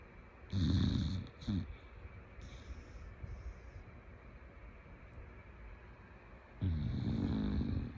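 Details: Female bulldog asleep, with deep, rattling, snorting breaths and a long quiet gap between them in a quiet room; snoring.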